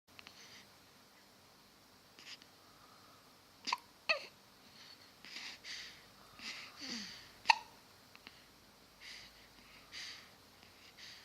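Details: Baby recorded on his due date with hiccups: several brief, sharp hiccup sounds at irregular intervals in a quiet room, with soft baby noises between them.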